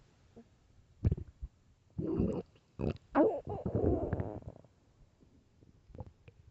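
Short bursts of gurgling and squeaky rising growls over a quiet background, ordinary hunger stomach growling.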